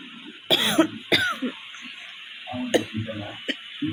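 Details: Real cough in a person who has a cough and fever: two sharp, forceful coughs, then a short throat-clearing and a few quieter sounds.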